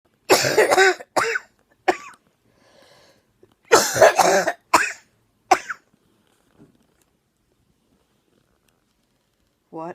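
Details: An adult's 12-week chronic productive cough bringing up clear, white, foamy sputum, which began after bringing a sister home from the emergency room, with no prior respiratory problems; viral pneumonia is a possibility. The clip has two bouts of about six harsh, partly voiced coughs.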